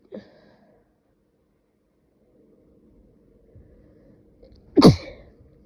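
A small sound at the start, then quiet and a single sharp, loud sneeze burst near the end.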